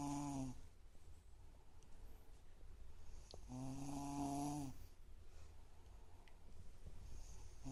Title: Wieredest Snoring